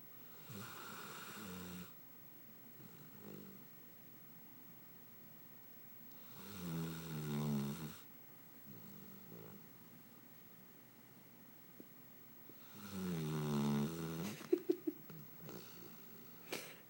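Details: 8-month-old, 85-pound female Labrador puppy asleep: three slow, rattling snores on her in-breaths, with quiet breathing between and a few clicks near the end, in a quiet room; snoring.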